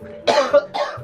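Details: Cough during a spicy Samyang noodle challenge with no water allowed: two sharp, harsh cough bursts in quick succession, like an irritated throat.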